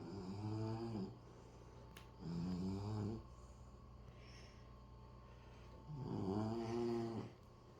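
Three slow, rumbling, voiced breath sounds with quiet pauses between them, the rhythmic snore of a sleeping puppy.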